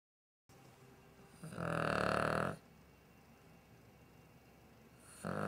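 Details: Dog (now deceased) snoring while asleep: a rough, rattling snore of about one second, with a second one beginning at the end, over quiet room hiss.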